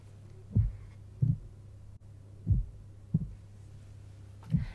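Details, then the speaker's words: Normal heart sounds from the speaker's own heart through a stethoscope: soft, low thumps over a steady low hum, with no added sounds. "even your normal heart sounds. So I'm using the diaphragm to listen to my heart. Yep, I'm still alive."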